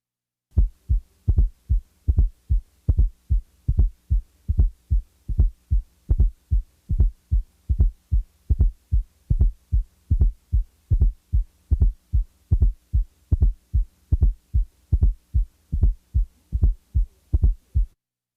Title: 12 Fourth Heart Sound S4 Heart Sounds Collection